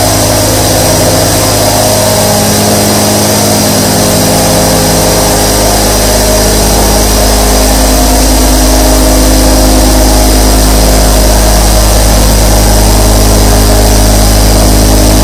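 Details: Recording of 24 nebulizer compressors running together: a steady, dense mechanical hum with a rapid regular motor pulse and airy hiss.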